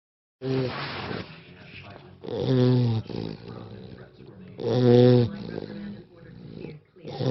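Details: Chester, a small dog, snoring in sleep: three loud rattling snores within seven seconds with softer noisy breaths between; ordinary snoring.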